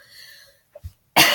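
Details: A short throaty catch, then the start of a loud, harsh cough burst that is cut off, from a speaker who is very sick at the time of recording; cough.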